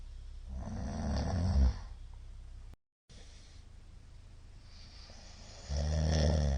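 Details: Middle-aged man asleep, recorded 2022-02-23; the recorder judges it sleep apnea from the count of shallow hypopneas. Loud, low, rumbling inspiratory snores with a quieter pause between: heavy snoring that fits obstructive sleep apnea.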